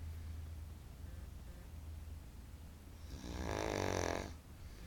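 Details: Snoring during sleep: quiet breathing, then one loud rattling snore on an in-breath in a quiet room; ordinary snoring.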